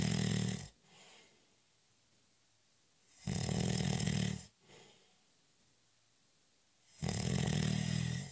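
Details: Snoring during a short, light nap (cat nap): loud, rough snores on each in-breath, about 15 breaths a minute, with quiet out-breaths between.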